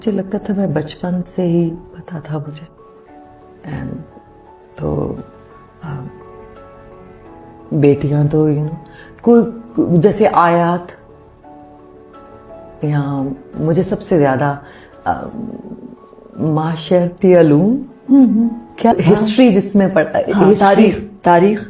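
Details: Woman guest who understands questions but has difficulty answering, with word-finding problems, attributed to Broca's aphasia (expressive aphasia).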